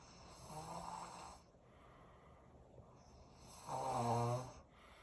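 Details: Bad snoring: two loud, rough, rattling breaths with a quiet pause between them, in a quiet room.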